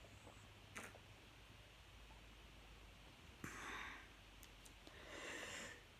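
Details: Sharp sniff, then two hissy sneeze-like bursts against quiet room noise; ordinary sneezing by an adult while eating pizza, tipsy.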